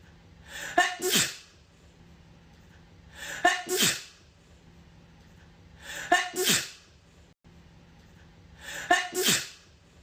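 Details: Adult woman's single sneeze, a quick in-breath then a sharp burst, repeated four times as an edited loop.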